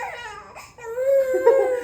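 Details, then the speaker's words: Baby crying after being put down on the bed around 7 pm playtime, wanting to be held: loud, sustained wailing rising in pitch; ordinary infant crying. "பாருங்க நம்ம அடிக்கவே இல்ல. ஆனா heavy அழுக இங்க பாருங்க just ஒரே செகண்ட் அவ்ளோதான். இதுதான் இவங்களோட அழுகு பாருங்க."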